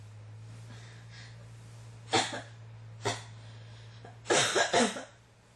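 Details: Four harsh coughs, the last three in a quick run, over a steady low hum; repeated coughing that won't stop, recorded as ASMR.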